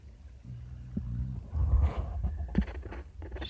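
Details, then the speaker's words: Snoring in a sleeping female dog, owner suspects she was dreaming: deep, rumbling snorts rising and falling over a few seconds. "hey girl hey you were snoring what were you dreaming about"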